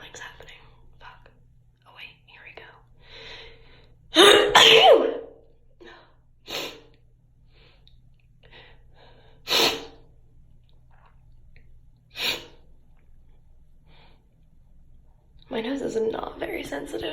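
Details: Four abrupt, explosive bursts of air several seconds apart, with quiet Spanish voices between them; a run of sneezes.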